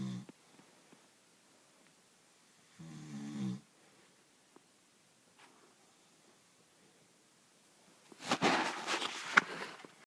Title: Snoring soab